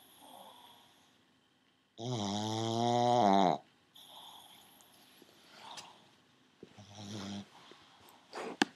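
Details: Loud, drawn-out whistling snore with tonal quality, then softer snorts and sniffles from a pet pug, a flat-faced dog's noisy breathing; snoring.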